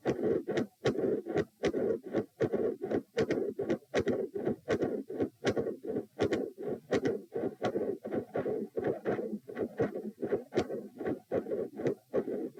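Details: Heart sounds at position p, lying down, during manoeuvres to provoke murmurs: loud S1 and S2, both split (four sounds), with a midsystolic murmur.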